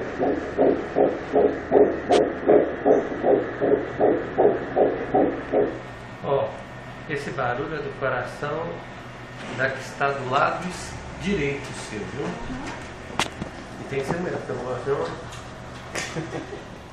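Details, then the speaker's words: Seven-week twin pregnancy on first ultrasound: rapid, regular whooshing pulses of an early fetal heartbeat on Doppler, about 158 a minute; normal fetal heartbeat. "será que eu vou conseguir colocar o som do coração"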